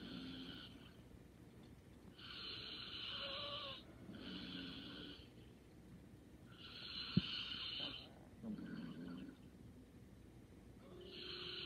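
Light, airy snoring in steady inhale and exhale cycles from a sleeping adult, with one brief snort, about twelve breaths a minute.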